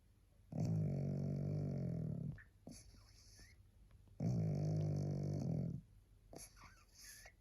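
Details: A very tired pug, barely able to hold its head up, sleeping in a quiet room and giving two long, rattling snores on the in-breath, with quieter breathing between.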